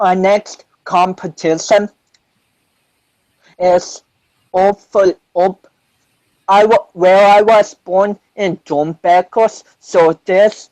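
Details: 25-year-old man with cerebral palsy since birth, which he says affects his balance, coordination and speech; doctors said he would never walk, and he is now a powerlifter; dysarthria (cerebral palsy).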